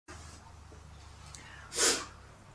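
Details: After a moment of quiet room hum, a single sharp, hissing, forceful sneeze burst, then quiet again: one ordinary sneeze.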